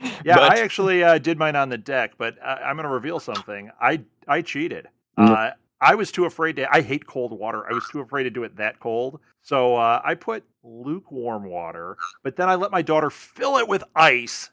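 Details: Adult man; Normal speech.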